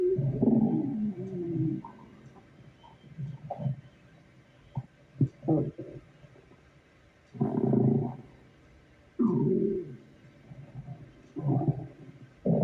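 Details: Irregular low gurgling and rumbling bursts from the abdomen at work, typical stomach growling from moving gas and fluid; borborygmi.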